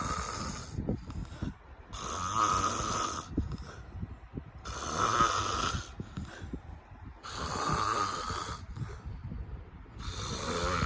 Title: Snoring loud and sexy